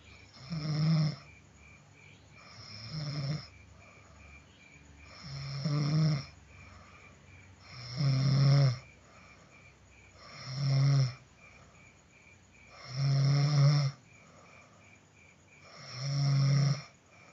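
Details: Person snoring: seven deep, loud snoring breaths at about 23 per minute, each a low vibrating rumble, with faint steady chirping in the background.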